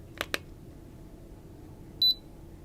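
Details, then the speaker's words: Roleplay exam, patient lying down: two soft clicks then one short high-pitched electronic beep from a forehead thermometer signalling a finished reading, normal temperature, quiet room. "So, I'm going to place this on your forehead. Is that okay with you? Good. And you're going to hear a beep."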